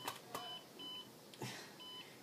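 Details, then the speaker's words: Electrical muscle stimulator used to stimulate the lumbricals, with electrodes on the forearm and side of the arm, in a C7 quadriplegic with weak hands; several short electronic beeps as it is switched on or when it cannot find the muscle. "but with the electrodes on those parts of your arm I turn mine on"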